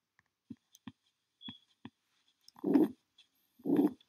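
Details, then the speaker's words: Aortic stenosis: short heart sounds with an ejection click as the stiff valve snaps open, then a loud harsh systolic swish; described as best heard near the neck and at the left base, second intercostal space. "it would eventually push or cause a click sound when it quickly opens the valve leading to a swish sound"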